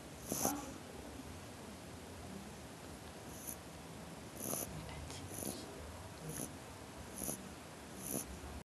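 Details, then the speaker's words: Repeated short, hissy snorts about once a second over a low rumble; congested snoring, thought to be from a cold with a blocked nose. "是他好像有点感冒，鼻塞有才会那么声音。"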